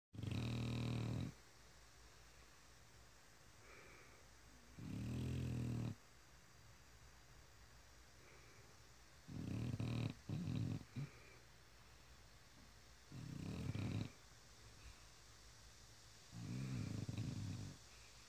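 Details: Sleeping French Bulldog snoring: loud, rattling, low snores roughly every three to four seconds, about five snores.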